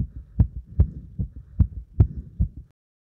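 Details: Fast, regular heartbeat thumps about 150 a minute, recorded after burpees followed by deep squats to exhaustion: rapid heart rate after hard exercise.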